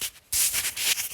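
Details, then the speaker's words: Ear microsuction of a chronically blocked right ear: after a Jobson horn, a fine suction probe removes dead skin off the eardrum, giving a high-pitched hiss that rises and falls. "you just use the finance suction prop for this we don't need the full sucker and we're now going to just remove this off the eardrum"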